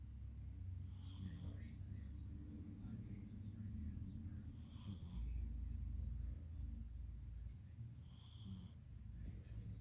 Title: Have you ever heard cat snoring? lol 😆🤣😸